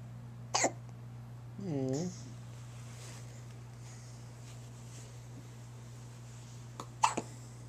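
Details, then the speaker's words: Infant girl with hiccups: two sharp hiccups about six seconds apart, with a brief infant vocal sound between, over steady background hum. "Got the hiccups. Oh, that one sounded wet."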